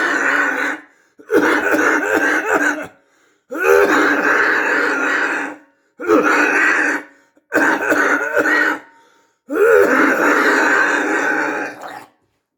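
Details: Adult described as having a COVID-19 cough: six harsh, rasping cough bouts in about twelve seconds.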